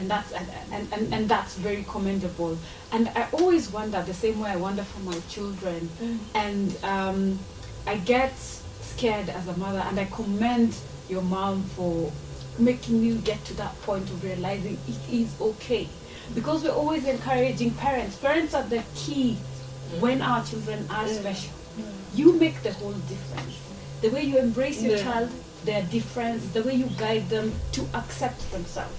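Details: Adult woman speaking; normal speech.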